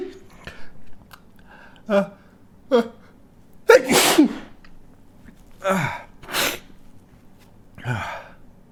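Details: Several sharp induced sneezes, triggered with a stiff paper or cardboard tag in the nostrils, some preceded by a drawn-in breath, in a quiet room; ordinary sneezing.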